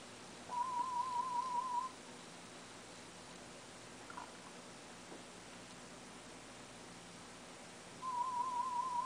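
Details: Aided sound-field hearing test, 2 of 3, with a cochlear implant that is low on battery. Two warbling mid-pitched test-tone bursts sound between quiet room noise; the listener finds them hard to tell apart from tinnitus but passed.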